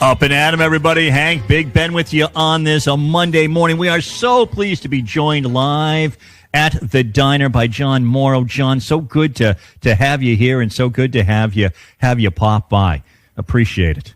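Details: Adult male radio host; Normal speech.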